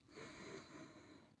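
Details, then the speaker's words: Deliberately imitated shallow breathing by an adult demonstrating stress breathing: a quick, noisy, snorting intake of breath with a faint wheezy edge, not a real wheeze. "I don't know if you can hear my wheezing, but I'm purposely making this wheezing shallow sound to demonstrate shallow breath that creates a lot of tension into the body."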